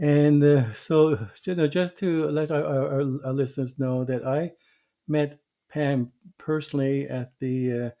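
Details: Stuttering in an adult man who stutters, formerly a covert stutterer for many years; real, not acted.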